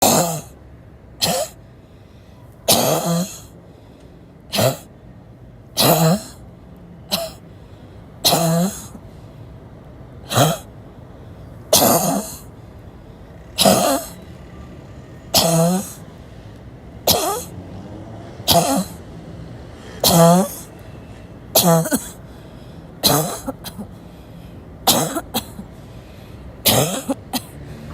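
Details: An adult who reports barking lungs and breathlessness gives about 19 harsh, barking coughs in under half a minute, each a sharp, separate burst: barking cough.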